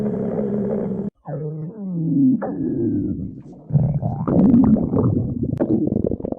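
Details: Stomach growling (borborygmi): low rumbling and gurgling with squeaky, gliding tones.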